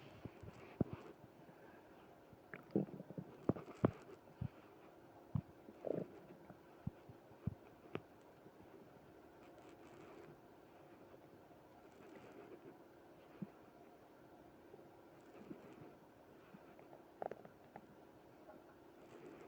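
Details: Stomach growling (borborygmi) with tummy trouble after eating ice cream: faint gurgles, pops and soft rumbles over a quiet background; moaning also noted.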